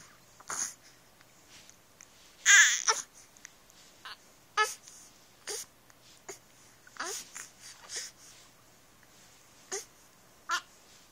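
Repeated short, abrupt voiced catches from an infant, roughly one a second with brief fussing between; infant hiccups rather than sustained crying.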